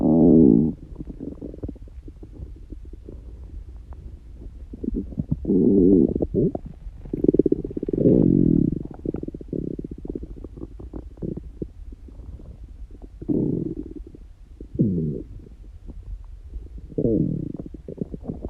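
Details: Stomach growling in a person prone to very loud bowel sounds, not hungry and without stomach pain: repeated low gurgling growls and rumbling bursts; harmless borborygmi.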